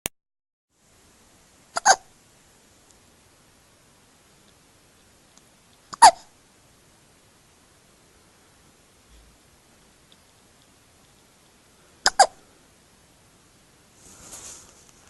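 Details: Baby hiccupping after eating, as happens every time: three sharp, squeaky hiccups a few seconds apart that sound like a squeeze toy.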